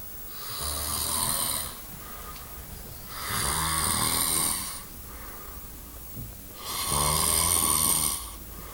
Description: My brother kept me awake due his loud snorning